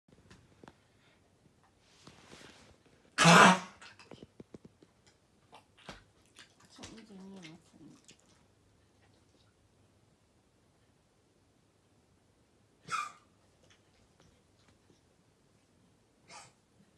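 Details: Dog with kennel cough at night gives one loud, harsh cough burst with throaty follow-up sounds, then two shorter coughs, typical of kennel cough.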